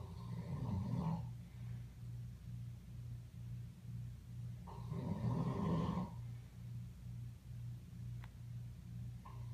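Low, rumbling snores during sleep, about two in nine seconds, over a steady low hum; ordinary sleep noises.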